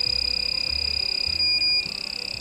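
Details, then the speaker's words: Cold plasma device producing a lower-intensity flame that stays on: loud, steady high-pitched tone pulsing rapidly, with a brief unbroken stretch; device warning beep while the tip is active. "And you can hear this noise. It's the beeping. And it's a flame that is a lower intensity, but it's always on."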